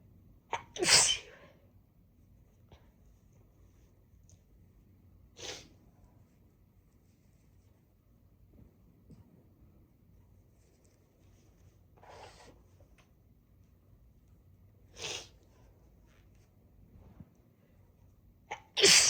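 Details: Congested person with a blocked right nostril sneezing after using and sniffing chhinkni snuff: five sharp sneezes with quiet gaps between.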